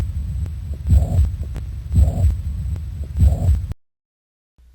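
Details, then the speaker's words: Teaching demonstration of holosystolic murmur of mitral or tricuspid regurgitation, spanning all of systole with no gap after S1; mitral heard at the fifth intercostal space: three heart cycles with a continuous systolic murmur between first and second sounds. "so as you can hear both be mitral and tricuspid murmurs are holocystolic murmurs that occur the entire duration of systole"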